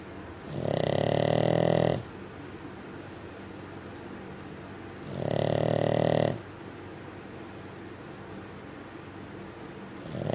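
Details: Bugg dog (small crossbreed), female, snoring loudly: buzzy snores on each breath in with quiet breathing out between, about 12 breaths a minute; snoring.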